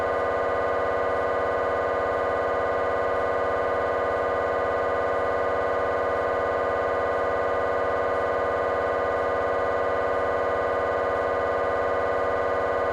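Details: Scanner noise from a GE 3T MRI of the petrous bone (Felsenbein): a loud, steady, rapid buzzing tone during a T1 fast spin echo sequence; normal scanner operation.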